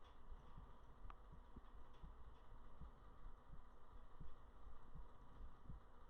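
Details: Soft, low heartbeat thumps at about 85 a minute under a steady low hum, recorded close up for relaxation ASMR; an ordinary heartbeat.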